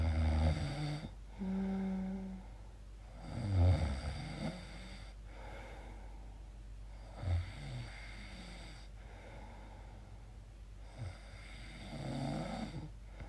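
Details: Person's own weird sleep noises, questioning snoring or sleep apnea: irregular low snoring with groaning, tonal sounds and snorts, uneven in rhythm and strength.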